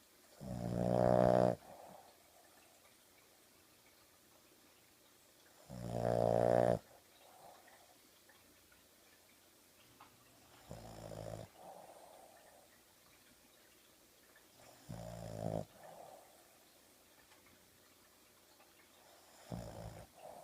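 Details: Dog asleep on sofa with eyes open, wiggling: loud rattling snores on each breath, about 15 a minute, fading to softer snorts between quiet pauses; dog snoring.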